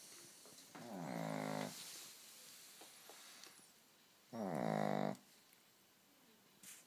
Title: Gizmo the Snoring Shiz tzu